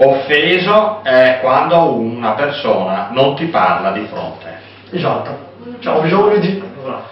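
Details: Adult man speaking Italian; typical speech.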